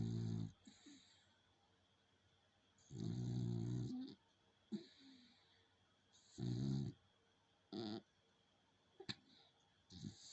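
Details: Sleeping dog named Coco snoring: low fluttering snores with short snorts and quiet gaps between them.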